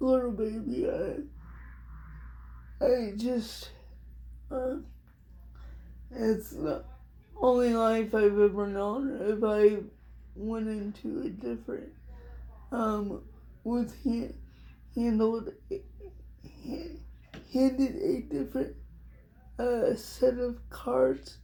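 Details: Adult woman with cerebral palsy diagnosed at 6 months old, which she thinks is level 4 or 5; it affects her whole body, including her speech (somewhat) and hands; she also has dystonia; dysarthria (cerebral palsy).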